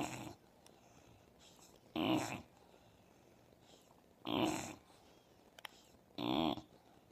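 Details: Short, rattly snoring from an Old English Bulldog, about one every two seconds, with soft breaths between; ordinary snoring.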